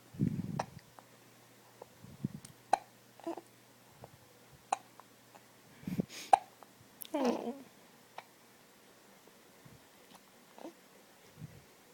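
Repeated short, sharp catches in breathing, somewhat irregular, typical of hiccups, with faint room noise.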